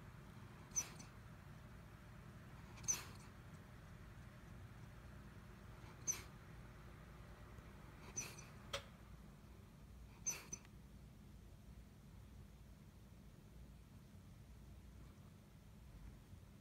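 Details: Sleeping Schnauzer dog dreaming: about six soft, muffled yips and woofs over ten seconds; sleep vocalization (dreaming barks).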